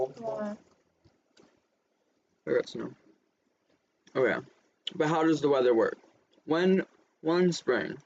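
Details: Adult speaker; normal speech.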